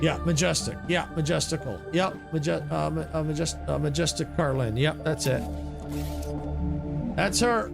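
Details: Adult male with a natural developmental stutter that began in childhood, went away, and is returning as he gets older, worse with typos and distractions; real, not acted; stuttering.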